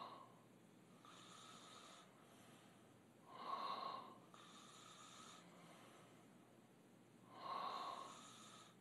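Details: Two young men snoring with open mouths while asleep: rhythmic, rattling snores at about 15 per minute, alternating louder and softer, over a steady background hiss.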